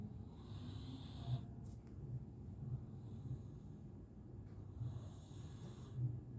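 Soft, low rumbling breaths repeating every second or so from a sleeping cat; gentle snoring.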